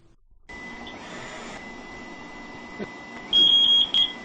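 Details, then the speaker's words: High electronic beeping over machine hiss: BiPAP low-pressure alarm signalling tubing disconnection, demonstration on a BiPAP machine set at inspiratory pressure 13 and expiratory pressure 7 cm water. "alarms are set on the machine with a low pressure alarm if the tubing becomes disconnected"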